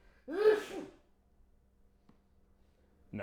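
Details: One loud, voiced, gasping in-breath under a second, the build-up of an adult man who needs to sneeze, followed by quiet.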